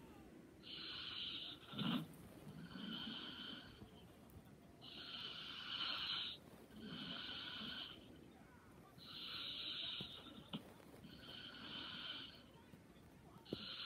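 Soft, airy, whistling snores in a steady rhythm of about 14 breaths a minute; light snoring.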